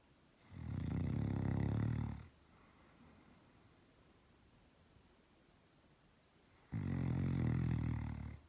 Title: Relaxing snoring Doberman dog